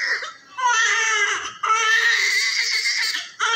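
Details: Newborn with vernix during oil cleaning: loud, strong, high-pitched crying in long bursts with brief breaths between; a vigorous newborn cry.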